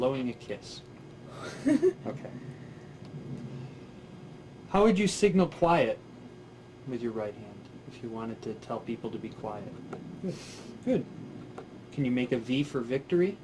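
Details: Adult man speaking (examiner giving gesture commands); normal speech.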